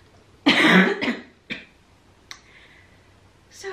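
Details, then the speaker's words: Chronically ill, immunodeficient person with a central line who caught a cold from a household member, now on antibiotics, cold medicine and oral steroids: one strong, harsh cough, then two or three weaker coughs and a throat clear; cough with upper respiratory infection. "(coughing) - Hey y'all, I'm sick."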